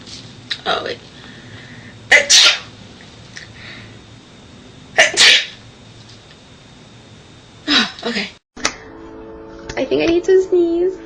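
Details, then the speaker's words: Several sharp, explosive sneezes a few seconds apart, with a brief snatch of music at the end, in a sneeze compilation; one sneezer mentions allergies. "hey coer okay um I have to sneeze allergies me his bless you bless you God bless you God bless you it's cuz you inhaled all"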